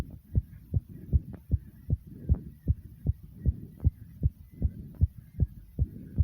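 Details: Rapid heartbeat right after 55 jumping jacks: fast, regular beats at about 154 per minute, a normal racing pulse after vigorous exercise.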